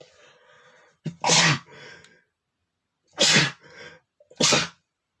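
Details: Male sneezing: three forceful sneezes in about four seconds, each with a quick in-breath before the burst, sneezes growing stronger; ordinary sneezing.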